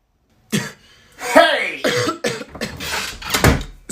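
A few short, harsh acted coughs, with a throat-clearing quality, in a small room.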